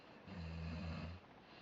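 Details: Snoring: one deep, rumbling low-pitched snore lasting about a second, over faint room noise.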